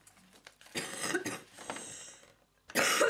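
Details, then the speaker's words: Adult woman who is unwell, with a red, sore nose and an affected voice, gives a couple of harsh cough bursts in a small quiet room while talking in Italian. "perdonatemi per questo questo il naso nato tutto qua tutto tagliato rosso e ogni tanto mi sentirete tossire"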